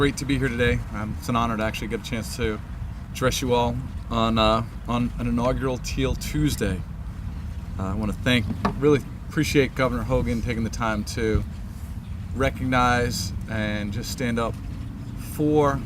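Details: Adult male speaker; normal speech.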